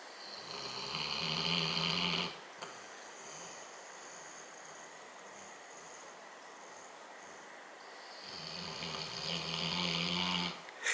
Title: Brno snoring